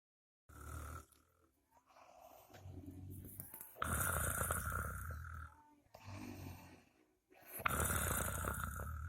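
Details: Person snoring while asleep: irregular rough snoring on breathing, with some snorting and a few quiet pauses between breaths.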